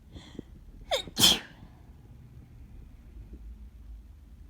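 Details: A quick indrawn breath, then one loud explosive sneeze, followed by quiet; sneezing with a bad summer cold caught from a family member.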